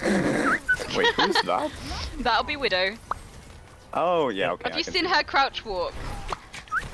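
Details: Tourette syndrome vocal tics in a female, involuntary inappropriate phrases, heard while she plays Overwatch.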